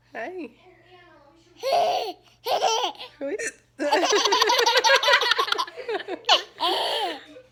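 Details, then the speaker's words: Adult hiccups: sharp, abrupt voiced catches at irregular intervals, with a baby's giggles between them. "I have the hiccups and thinks it's funny."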